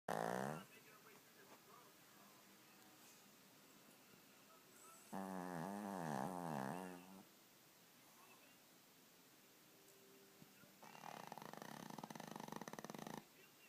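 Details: Skipper, a 2-year-old Cavalier King Charles spaniel, snoring loudly in sleep, with a whistling, whining snore and a rattling, fluttering one.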